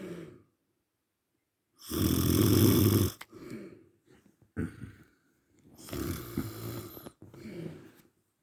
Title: and you moan about me snoring 😴